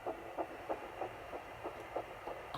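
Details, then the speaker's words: Home Doppler, the first time the parents heard their daughter's heartbeat during pregnancy: rapid, regular whooshing fetal heartbeat, around 190 beats a minute. "so I'm going to share the clip with you of the very first time we heard her heartbeat I found it yay"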